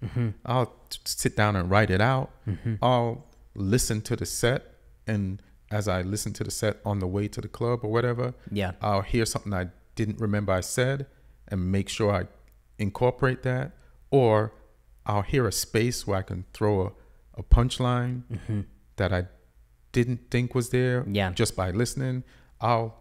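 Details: Adult male speaker; typical speech.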